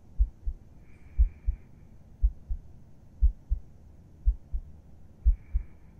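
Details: An adult's heartbeat heard with a listener's head resting on the chest while falling asleep: a steady, soft lub-dub at about 60 beats a minute, a calm, normal resting rhythm.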